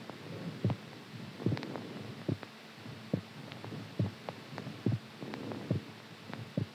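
Steady paired thumps of a heartbeat, about 70 beats a minute, with a faint hum in the background.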